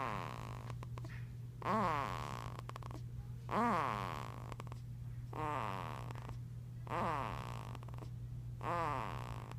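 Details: A two-week-old newborn boy makes repeated squeaky, snoring breath noises, about 33 a minute, over a steady background hum.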